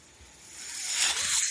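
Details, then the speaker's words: Ventilator audible as the user closes his Star Wars podcast, saying the noise heard is his ventilator; a brief rising hiss of airflow as it delivers a breath. Mechanical ventilator sound. "The noise you heard is my ventilator. Thank you for tuning in."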